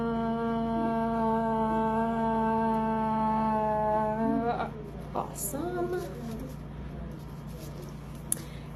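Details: Adult woman sustaining "ah" as long as possible, timed as the voice quality check in a bedside oral motor and swallow evaluation; all findings judged normal; sustained vowel phonation, normal voice.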